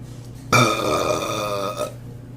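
One long, loud, voiced belch lasting over a second, with faint room noise before and after; an ordinary burp.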